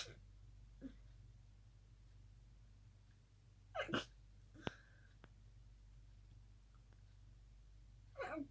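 Quiet room with a few muffled, held-back sneezes and small sniffs; stifled sneezing.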